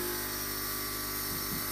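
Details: Home nebulizer compressor running with a steady buzzing motor hum and room noise while a young child breathes albuterol through a mask on a bunny-shaped nebulizer; a treatment takes about 10 minutes.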